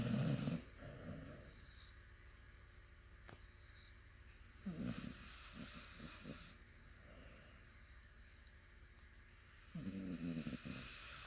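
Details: Sleeping puppy snoring: three rattling snores, one breaking into quick fluttering snorts, with long quiet breaths between them.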